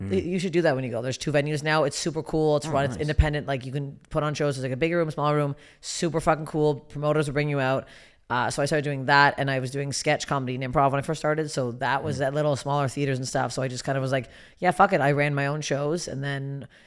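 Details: Adult woman speaking; typical speech.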